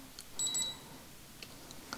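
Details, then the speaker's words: Two short high electronic beeps from a digital thermometer completing a temperature reading of 36.8, during an ASMR medical role-play of an annual gynecological wellness exam on an adult woman, with quiet room noise. "make sure you don't have any fever so it's 36.8"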